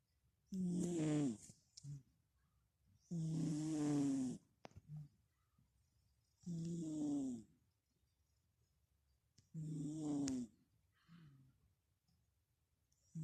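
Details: Sleeping Merlin, usually a high-pitched snorer, now low-pitched, owner suspects blocked nose: four loud rattling snores about three seconds apart with softer sounds between, about twenty breaths a minute; snoring.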